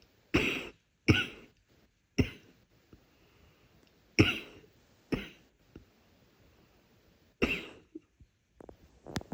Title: nighttime faint yet congested coughing